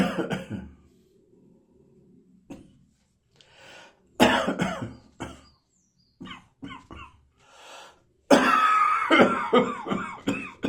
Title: Tickly Summer Morning Cough.